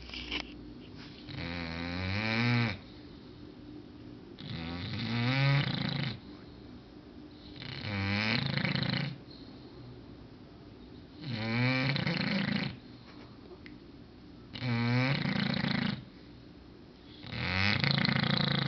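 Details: Snoring of an English bulldog: loud, rattling snores in steady cycles, about six in under twenty seconds, with quieter breathing between; the dog snoring very loudly.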